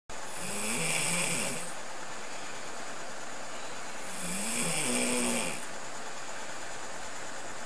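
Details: Snorlax cartoon snore: two slow, drawn-out snores with a rising then steady rough tone, about 16 a minute.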